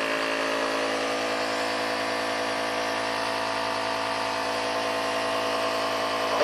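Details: Home DIY nebulizer setup for a cat using a large plastic container: loud, steady mechanical buzz of the running nebulizer compressor.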